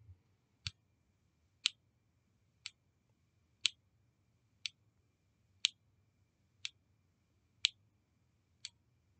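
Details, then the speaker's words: Omnipod Dash insulin pod priming after filling and activation through Android APS (DIY looping, no PDM): sharp, evenly spaced single clicks about every two seconds, the same sound heard during a bolus; a normal device sound. "so now it's making the little clicking sound you hear this is the same sound you're going to hear when you're getting a bolus"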